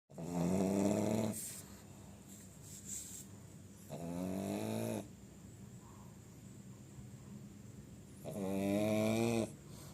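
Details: Pug snoring: three loud, low, vibrating snores with a rising tone, separated by quieter breathing, typical of a flat-faced dog.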